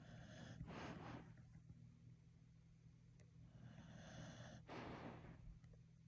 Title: Love Robbie’s little snoring and dreaming noises!! #dog #cute